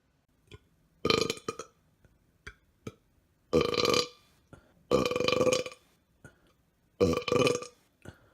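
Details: Four long, loud, deliberate belches separated by short clicks and breaths; burping montage.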